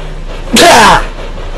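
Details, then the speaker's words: Sneezing once while talking: a single sudden, voiced burst of about half a second with a falling pitch against low room noise. "sneezed. I don't know why I have to announce it every time. You can see it happening. Well, at least this time you can see it happening. You can normally hear it happening. But yeah, sneezing."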